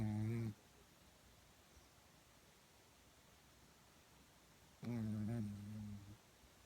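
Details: Sleeping dog snoring, recorded on a phone with background noise; two low, rumbling snores separated by a quiet pause.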